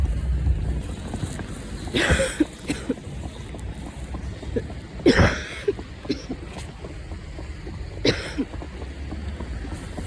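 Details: Three single coughs about three seconds apart from a person with asthma, recorded on the way home over vehicle rumble and wind noise; asthmatic cough.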